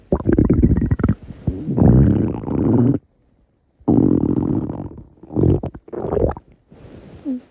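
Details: Hungry stomach growling (borborygmi): loud, long gurgling rumbles in bursts with a brief silent gap.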